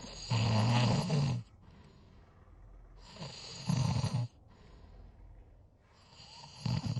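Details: Loud, low, rattling snores on each in-breath, about 20 a minute, with quieter breathing out between them: ordinary snoring.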